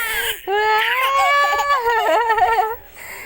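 A brief, high-pitched infant cry with a wavering end, in a quiet room.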